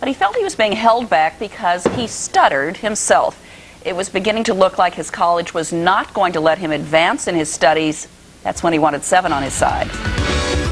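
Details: Adult news reporter narrating; typical speech.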